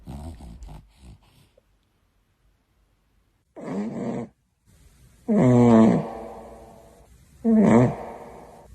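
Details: Sleeping dog snoring: loud groaning snores with a whining, voiced quality, three long breaths plus short snuffles.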